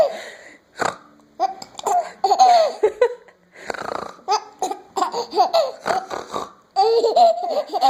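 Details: A young child giggles in bursts, interrupted by hiccups heard as sharp, sudden gulping catches between laughs.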